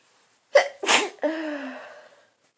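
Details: Adult with a cold, now at its full-blown stage: a quick breath-in, then a sharp explosive sneeze with a short voiced trailing sound; sneeze during a cold.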